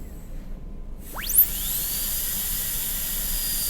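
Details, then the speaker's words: Shrill whine of a high-speed dental drill spinning up to a steady pitch while extending the facial and lingual proximal margins of a Class II MO preparation on lower tooth 30 of a typodont, demonstration. "And when you have the margins facial-lingually where you want them, then cut straight in."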